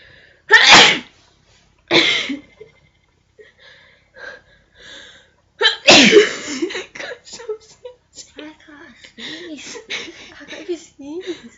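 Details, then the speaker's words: Deliberately provoked sneezes from poking an object up the nose in a sneezing challenge: two bursts, the second strong and explosive, followed by laughter and talk. "You got to put it up your nose and you've got to like wiggle it around so you can sneeze but right where it's like touching your brain."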